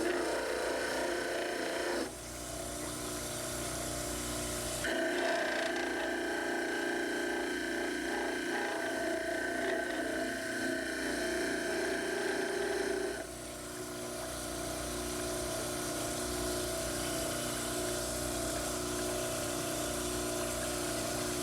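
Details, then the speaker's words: Dental model trimmer with table perpendicular to the cutting blade, starting on the upper cast: steady motor whir with rough grinding, rasping tone that changes as the plaster cast is pressed against the spinning wheel. "before you begin any trimming make sure that the table of your model trimmer is perpendicular to your cutting blade when trimming you should begin with the upper cast"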